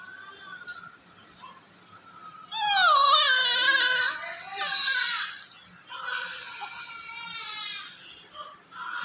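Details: Male newborn, preterm, very weak, low birth weight 1.6 kg, taking oral feeds though sucking is poor: short bursts of high-pitched crying with pauses and faint background noise.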